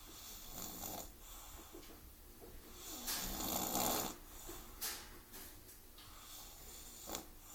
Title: snoring after visit to park